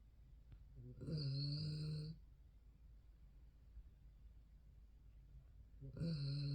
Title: snoring poodle